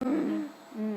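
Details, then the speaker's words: Imitated inspiratory stridor, described as a sequela of vocal folds left open after prolonged intubation: a high, tight, pitched noise on drawing breath in. "y también hay algunos sonidos que se pueden escuchar no como estridor no la persona toma aire y se escucha como"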